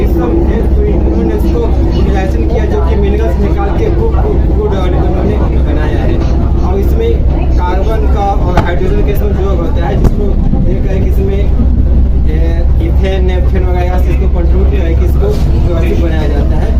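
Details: Adult Hindi-speaking man who says he has stammered since childhood, noticed around ninth class, with recent loss of confidence; stuttering.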